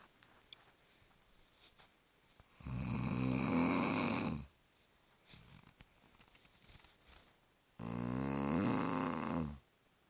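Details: Mother and 2-week-old baby snoring together: two loud, drawn-out rattling snores on breathing in, about 12 breaths a minute, with quiet gaps between; snoring.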